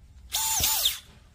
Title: ConMed Hall 50 Dual Trigger Modular Surgical Drill